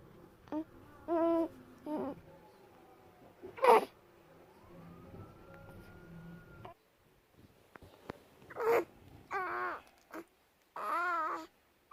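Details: Short strained grunts and whimpers with quiet gaps from a newborn during excessive stretching episodes. The parent first feared seizure, but these are normal newborn stretching sounds.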